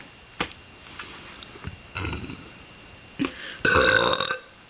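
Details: Several voluntary burps of varying length from a person deliberately burping on camera, ending with one loud drawn-out belch, in a quiet room; burping.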